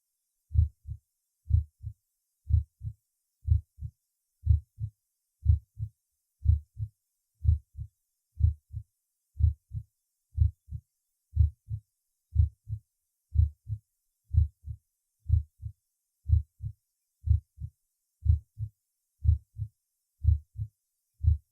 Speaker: в этой точке 1 тон оказывается громче 2 прослушайте нормальные тоны сердца на верхушке